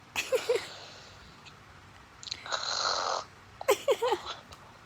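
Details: A long rasping snore on the in-breath, with laughter before and after; snoring.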